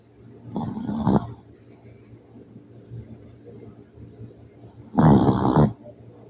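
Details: A sleeping city dog snoring: two loud rattling snores about four seconds apart, with quiet breathing between them and a steady background hum.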